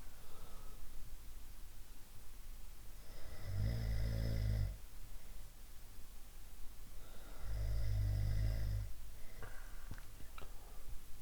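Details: Two loud, low, rattling snores several seconds apart, each on an in-breath, with faint background hum, from a sound library of different snoring types; snoring.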